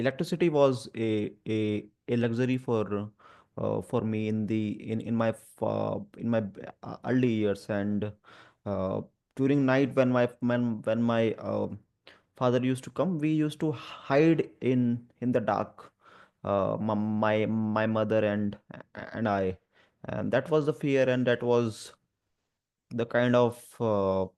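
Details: Adult male who stammers and also has dyslexia and dyspraxia, speaking spontaneously with word repetitions; stuttering.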